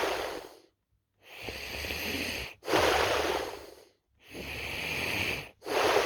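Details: Person recording their own snoring: slow, loud, rough breaths with pauses between them, about 20 a minute.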